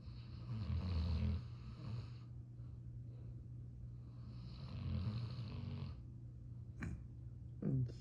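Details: Snoring: two low rumbling snores about four seconds apart, then a couple of brief snorts.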